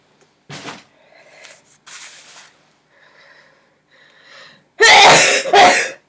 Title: Sneezer sneezing sneezes 2